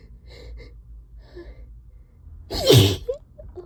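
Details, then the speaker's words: Allergic sneeze triggered by cleaning a trap: soft murmured sounds, then one loud, forceful sneeze with a sharp intake beforehand, during a prolonged sneezing fit. "Oh, that was so loud. This always happens whenever whenever I clean the trap. It makes me so sneezy."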